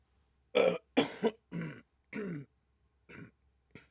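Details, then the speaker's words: Adult man, speaking while recording a show, clears his throat and gives a few short, dry coughs in quick succession, then mentions a throat tickle he can't get rid of. ">> Excuse me. You ever get that tickle in your in your throat that you just can't get rid of?"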